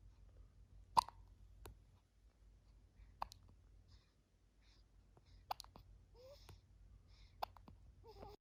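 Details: Hiccups.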